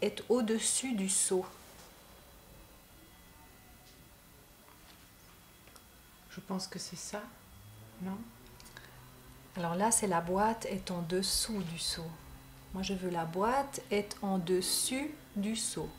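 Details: Aphasia with agrammatism, likely post-stroke left-hemisphere damage, in a patient in a speech-therapy session struggling to build a sentence.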